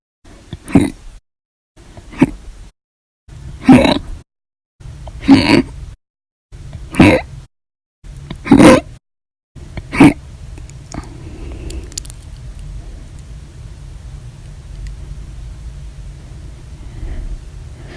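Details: Seven loud, abrupt hiccups at a steady pace, roughly one every one and a half seconds, followed by steady background hum; repeated, audio-only hiccup recording.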